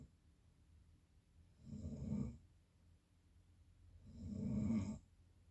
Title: Snoring again